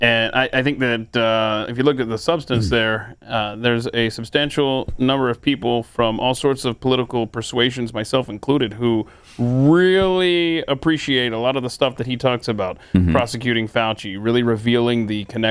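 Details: Adult man speaking; normal voice.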